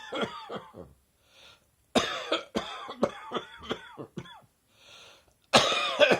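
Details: Summer allergy cough, airborne irritants tickling the throat and chest in warm weather: bouts of short, dry, hacking coughs with throat-clearing.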